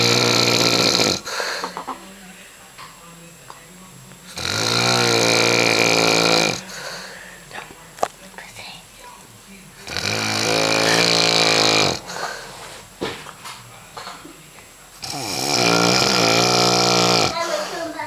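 Loud, rattling snores on each breath in, about every five seconds (roughly 11 breaths a minute), with quiet breaths out between.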